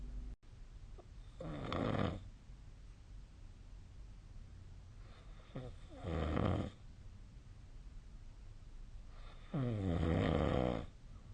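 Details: Sleep snoring recorded with the SnoreLab snoring app on 2025/03/07: three loud rattling inhaled snores about every four seconds with quiet room noise between; snoring.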